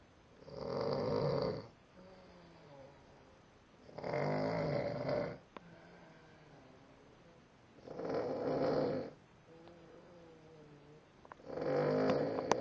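Loud rattling snores on each inbreath, about 17 a minute, with a soft whistling sound on each outbreath between them.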